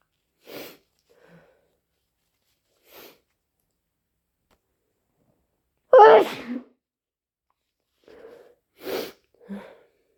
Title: More loud, wet cold induced sneezes plus sniffles and blows